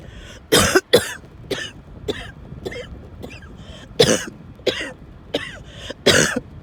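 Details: Coughing fit in the car, one of repeated fits making the person drive less; coughing, wheezing, choking.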